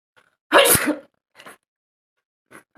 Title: nose sneezing challenge 🤧